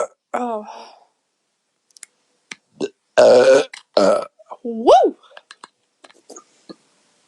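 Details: Young woman after chugging beer while deliberately swallowing air: several loud, drawn-out burps with brief quiet clicks and mouth sounds between, in a small room.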